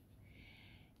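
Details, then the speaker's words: Snoring of a sleeping pet dog in the background, a single quiet, rough snoring breath over a low room hum. "sorry about cotton my doggies probably you can hear him snoring in the background"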